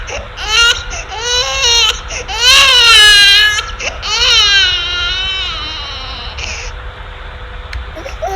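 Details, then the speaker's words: Cry of a human infant from a baby-cry research talk, each baby having an individual vocal signature: loud, rising and falling wails in a few long bursts; infant cry. "yeah so so clearly each baby has its own own voice so there is an individual signature in the cries of the the human the human babies"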